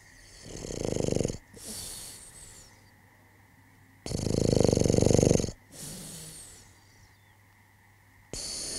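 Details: Loud, harsh snores on each in-breath with softer breathy out-breaths, about every four seconds; heavy snoring.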